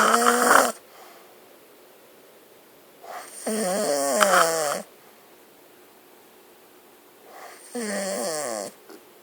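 Three loud rattling, tonal snores spaced a few seconds apart, with quiet pauses between; snoring.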